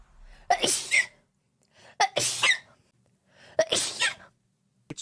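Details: Three sneezes in quick succession, each a quick inhale then a sharp high-pitched burst, from a streamer's sneezing compilation recorded 2021–2025.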